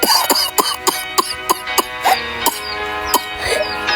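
About ten short, sharp cough bursts at uneven intervals over steady background music.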